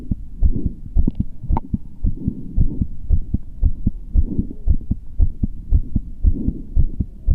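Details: Deep, regular paired thumps at about 115 a minute against a low hum; fast heartbeat sound from a muscular man.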